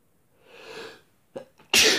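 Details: Sneezes deliberately induced with a tissue paper; a drawn-in breath and a couple of small catches, then one sharp, loud sneeze burst.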